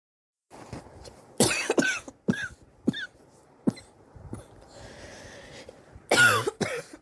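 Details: Compilation of a person's cough recorded over several weeks: repeated harsh, strained, raspy coughs in short bouts, about seven; person suspects bronchitis, X-ray planned for pneumonia.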